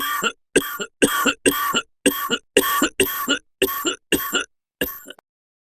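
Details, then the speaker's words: About ten harsh, forceful coughs in a rapid irregular run, performed by an adult narrator as a character's sudden wheezing, choking coughing fit in an audio drama; simulated. "Then, out of the blue, he started wheezing and coughing up a storm."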